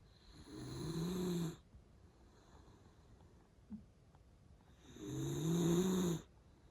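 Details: Sleeping pet snoring: two long, buzzing snores on breathing in, separated by a quiet gap of a few seconds.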